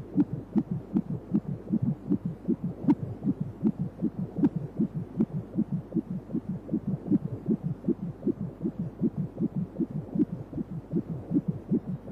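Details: Rapid, regular whooshing heartbeat at about 150 beats a minute, heard during a 3D/4D ultrasound baby scan; a normal fetal heartbeat.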